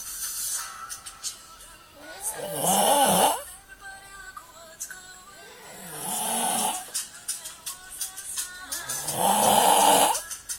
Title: Snoring Man HD